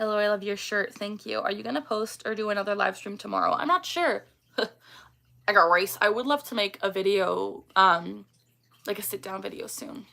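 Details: Adult woman with Tourette syndrome; tics began around age 10 and she was diagnosed at 12. She repeats the vocal tic phrase "I got rice" during a livestream and says it does not sound like her normal voice. Vocal tic (Tourette syndrome).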